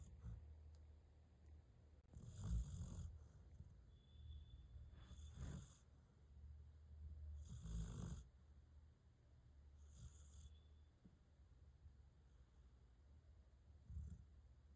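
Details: Golden dog snoring: soft, low snuffling snores repeating every two to three seconds over quiet room noise.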